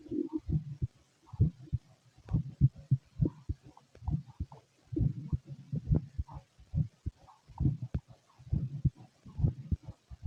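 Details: Fit adult male, heart heard through a stethoscope: low, steady thumping at about 68 beats a minute; normal heart sounds.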